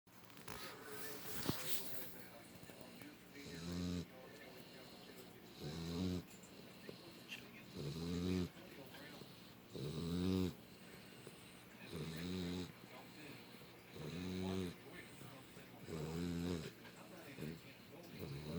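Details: American Bulldog puppy snoring, possibly not even asleep: regular snorting snores about 29 a minute, each a short rattling buzz with soft breathing between.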